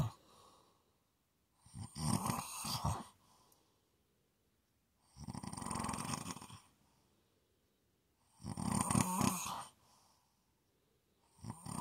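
Three loud rattling snores on the in-breath, about 4 to 5 seconds apart, with quiet gaps between; steady snoring in sleep.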